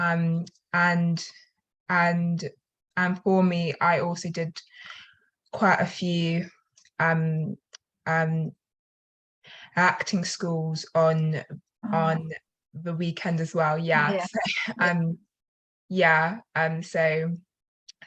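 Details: Self-reported stutter in a female attendee who attended weekend acting schools; stuttering.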